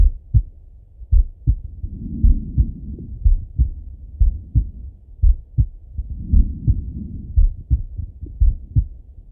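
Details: Male heartbeat through a stethoscope, relaxing slow auscultation: slow, steady heartbeat about 58 beats a minute with soft low rumbling between beats; normal heart sounds.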